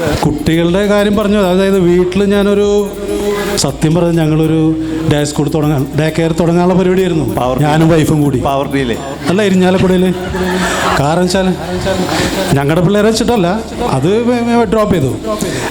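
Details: Adult male speaker; normal speech.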